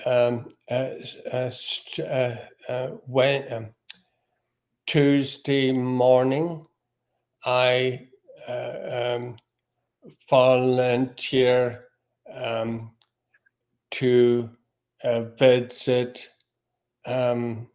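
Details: Man with aphasia reports he no longer gets frustrated when words don't come out; aphasia.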